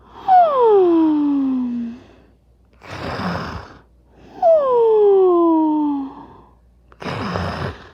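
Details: Cartoon-style snoring sound effect of the animated character Miguel, who is dreaming of El Dorado: two cycles of a whistling, falling inward tone, each followed by a breathy exhale. Simulated snoring.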